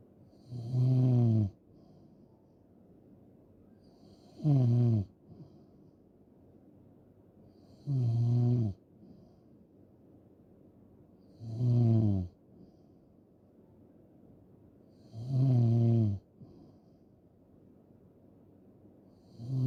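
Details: Loud, deep rattling snores on each in-breath, about 16 a minute, with quiet out-breaths between; heavy snoring.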